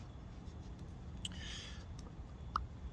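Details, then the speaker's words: A few faint, sharp clicks over quiet room noise from an adult harmonica player's jaw; temporomandibular joint (TMJ) click, sometimes locking, attributed by him to heavy harmonica playing and cocaine abuse. "My jaw clicks. Sometimes it locks up, and I have to open it up and try to get it to click. And that's from a lot too much harmonica and cocaine abuse."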